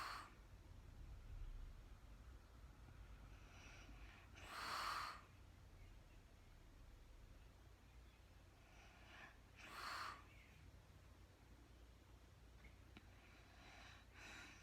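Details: Real-time recording of a woman snoring during sleep, no talking: quiet sleep breathing with a few soft snorting snores, about 12 a minute, over low room hum.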